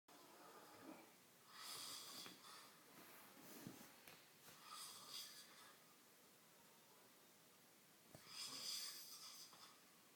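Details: Sleeping man snoring: three hissing, rattly breathing bursts over ten seconds in a quiet room.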